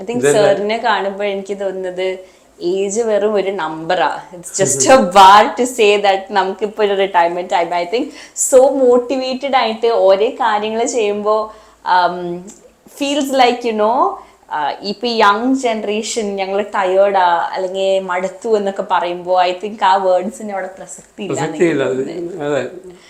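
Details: Adult woman speaking; normal speech.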